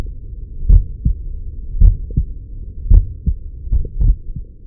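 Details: Normal heart sounds recorded with a Stemoscope device over the aortic area: regular low lub-dub beats at about 55 a minute with no clear extra sounds.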